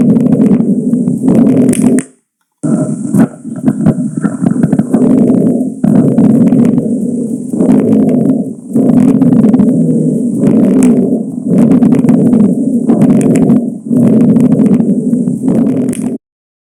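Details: Rhonchi: low-pitched, coarse, snoring rumbles repeating with each breath.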